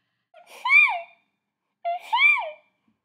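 Two quick voiced gasping intakes, a playful imitation of the build-up before a sneeze.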